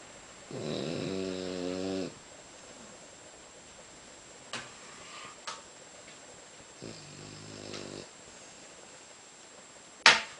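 Two soft, buzzing snores on inhalation about six seconds apart, with faint room noise and a sharp click at the end; ordinary light snoring.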